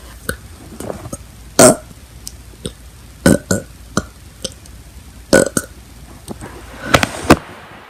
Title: Burping with me 2